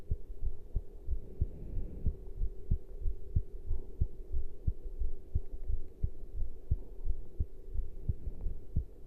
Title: Heart sounds after caffeine intake